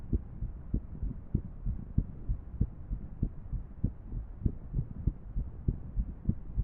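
Low heart thumps at roughly 98 a minute with uneven spacing between beats, an irregular heartbeat.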